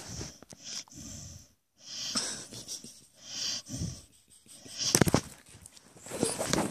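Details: Sleeping dog with its mouth open snoring: noisy, irregular snorting and wheezy breaths with rough airway noise on each breath.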